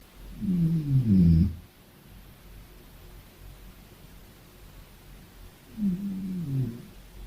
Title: 01 Little snore